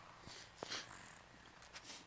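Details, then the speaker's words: Brief soft snorting, snuffling breath noises like light snoring from an infant girl's nose congested with boogers. "you hear that you're that snoring sound we're going to New tick boogers out"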